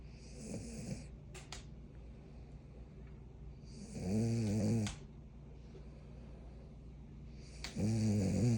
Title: Frenchie snoring 💤 ￼